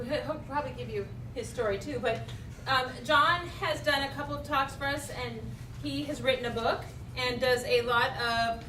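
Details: Adult woman speaking; typical speech.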